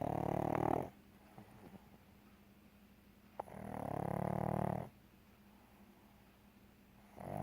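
Loud, rattling snores every three to four seconds, with quiet pauses between them. A pug snoring in its sleep.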